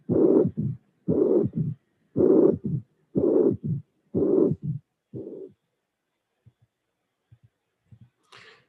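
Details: Mitral regurgitation with a third heart sound, followed by a very short, low-frequency diastolic murmur that differs from the regurgitant jet; teaching recording with phonocardiogram.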